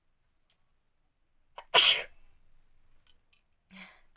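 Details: Woman deliberately triggering a sneeze with paper in the nose, sneezing challenge without handkerchief: one sharp, explosive sneeze after a short catch of breath, then faint sniffs in a quiet room.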